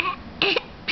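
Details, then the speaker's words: A single sudden, brief gulping catch of the voice from a young child in a quiet room: an ordinary, harmless hiccup. "Do you have the hiccups? You never got the hiccups, huh?"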